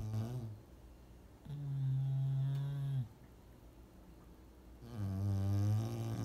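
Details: A male English bulldog snoring loudly while asleep: deep, steady buzzing snores on long breaths, two in about six seconds, with a soft rattle.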